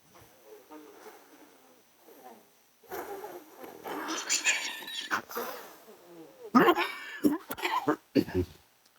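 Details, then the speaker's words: Replayed recording of a doctor's own cough from two years earlier: several harsh, wet coughs after quiet breathing, with sudden cough and breathlessness; the university hospital diagnosed asthma, not cancer. "제가 재작년에 제 기침 소리입니다. 이 자기 병이 제일 심각한 병이잖아요. 세상에서. 재작년에 제가 갑자기 기침도 하고 숨이 차고 그래서 이제 대학병원에 가봤습니다."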